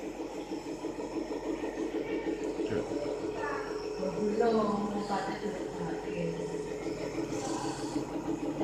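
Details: Compressor nebulizer inhalation treatment for a small child with a productive cough: a steady buzzing motor hum, with faint voices in the background.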